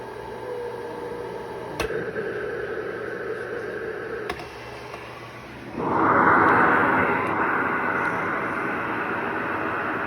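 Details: A cough assist machine (mechanical insufflation-exsufflation) in a patient's routine after a small setting change: steady hum with soft clicks, then a sudden louder rush of air as it switches phase.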